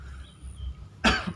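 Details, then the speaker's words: Acted cough in a comedy sketch, said to be a morning cough just after waking: one short, harsh cough after a quiet moment. "Pagi om kok baru bangun tidur kok batuk gitu."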